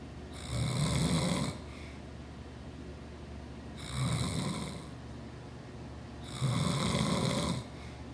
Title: my dads snores